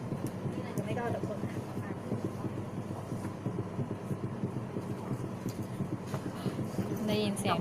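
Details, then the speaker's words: Fetal heart sounds through a Doppler during a teaching demonstration where the rate is to be counted: rapid, steady thumping pulses, a normal fetal heartbeat, with some background noise and brief voices. "ยินเสียงโดยไม่ต้องฟังอันนี้คืออะคูสติกแล้วก็ฟังแล้วจะได้ยินเสียงตุ๊บตุ๊บตุ๊บตุ๊บตุ๊บโอเคไหมได้ไหมคะไปแล้วมันลองเล่นกันดู"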